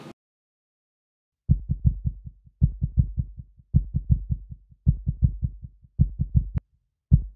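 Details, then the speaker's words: Own heartbeat heard through a stethoscope on the left side of the chest, in an anxiety-calming exercise: regular low thudding beats in repeated runs. "I'm talking about literally listening to it with a stethoscope it's pretty simple I'm gonna do the same thing that the doctor does every time you're going for a visit left side of your chest and listen to your heartbeat"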